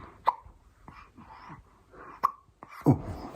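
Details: Persistent hiccups that won't stop: two sharp, abrupt hiccup sounds about two seconds apart amid soft breathing and a faint voice.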